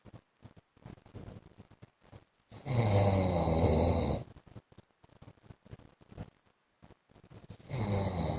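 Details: Adult man (husband) asleep: loud harsh snores with quieter snuffling and clicking breath noises between them; snoring.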